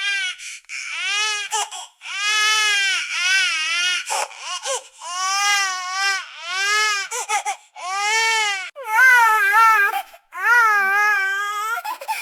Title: Baby Crying And Screaming Sound Effect